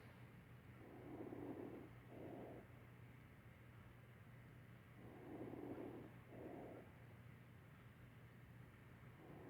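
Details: Fine crackles, about 14 breaths a minute over a steady low hum, in simulated lung sounds recorded on a mannequin.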